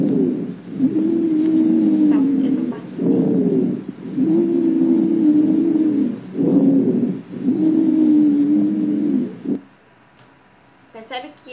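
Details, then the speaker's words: Repeated high-pitched, musical, whistling tones run through each breath, sustained and tonal rather than rattling; wheezes, described as dry sounds from narrowing of the secondary bronchi and bronchioles, higher-pitched than rhonchi. "mas eu posso dizer que quando vocês forem verificar ele é um som agudo primeiro ele tem um sou mais grave quando eu falo do ronco esse bilu ele é mais agudo"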